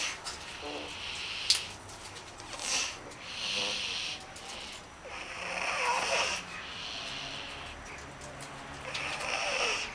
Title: Snurken op de schommel / snoring on the swing